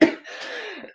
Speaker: I've got a cold coming, as you can hear, and my cough. Excuse me.